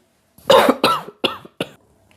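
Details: Four short, deliberate adult coughs in quick succession in a quiet room, acted to demonstrate a cough.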